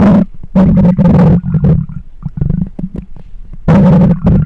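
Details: Loud, low rumbling and gurgling growls in bursts, close-miked; ordinary stomach growling, or borborygmi, from gas and fluid moving through the gut.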